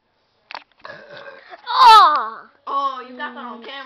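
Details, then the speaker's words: One loud, drawn-out voiced burp between short bits of speech; burping. "Well, I burped, but too bad she didn't really like put it on me."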